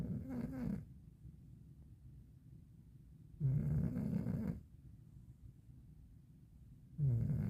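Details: 12-year-old cat with rhinitis, snoring while lying on the floor in winter: rattling, low nasal snores on each breath, about 17 breaths a minute, with quiet pauses between.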